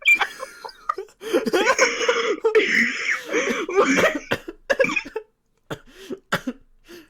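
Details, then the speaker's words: An adult's run of harsh, irregular cough bursts with throaty voiced sounds; the cough persists after an illness that resolved in about a week, with coughing ongoing for weeks; lingering post-illness cough. "Honestly, no, I stopped being sick after like a week and a day or two, and then I just kept coughing."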